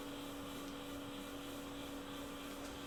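Steady whirring airflow with a low motor hum from a running CPAP machine.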